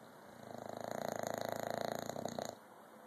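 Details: Bulldog snoring during morning nap: a fluttering, rattling snore drawn in over about two seconds.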